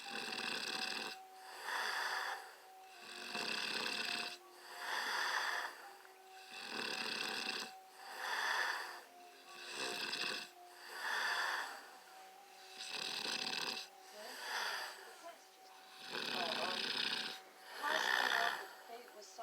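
Regular rasping snores on each breath, about 18 a minute, with a faint steady tone in the background.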